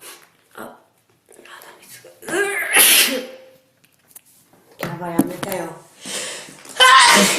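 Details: Japanese girl with a sore nose, nearly out of tissues, repeatedly sneezing with loud, sharp bursts of air, brief voiced catches and nose sounds in a small room; sneezing.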